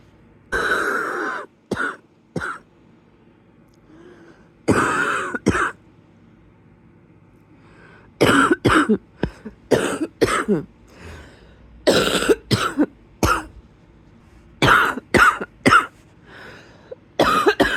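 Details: Repeated harsh coughs in clusters, some with a whistling, wheezy edge, at the start of a coughing spell in bed in a quiet room; wheezy cough.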